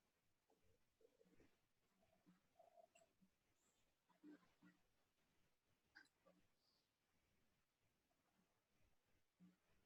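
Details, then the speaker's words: Pet dog snoring in the background while asleep. "you hear my dog she's snoring"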